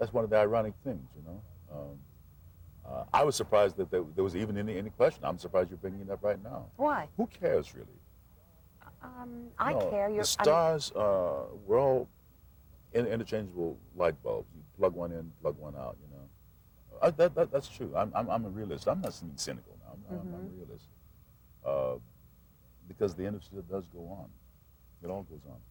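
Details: Adult male actor who stuttered since childhood, refused to speak for 8 years as a child, and says he always will be a stutterer, occasionally audible; stuttering.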